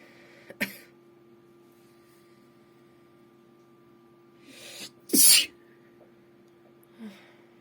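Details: Adult woman deliberately trying to induce sneezes: a single sharp, explosive sneeze with a brief inhaled build-up, over a steady computer hum.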